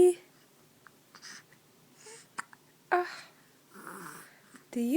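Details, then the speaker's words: Baby with several faint, sharp little catches spaced a second or so apart in a quiet room, with soft baby sounds; infant hiccups. "you have hiccups? Innocent, look at that spiky hair. Hi, baby. Do you have hiccups?"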